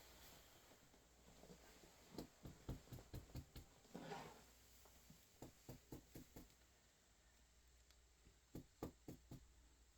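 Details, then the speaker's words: Focused respiratory assessment: groups of quick, firm finger taps on the chest give hollow, low-pitched resonant notes, normal lung percussion with no dullness. "are resonance sounds, which are normal lung sounds. So there's no dullness that could indicate any tumor or abnormality."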